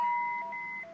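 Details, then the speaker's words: Philips MRx charging to 100 joules for synchronized cardioversion of unstable atrial fibrillation with rapid ventricular response: a steady high electronic tone with a second alternating tone. "we're going to deliver 100 jewels of energy we're going to"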